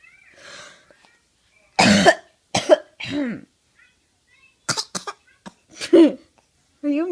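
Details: Infant aged 9 months makes several short, deliberate coughs with voiced, cooing tails; playful voluntary fake cough, not illness.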